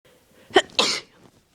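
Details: Induced sneeze: a single short, sharp intake and burst followed by a hissing expulsion.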